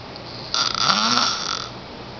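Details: 10-year-old boy asleep, snoring loud enough to be heard down the hall through a closed door: a single loud, rough, snorting snore lasting about a second.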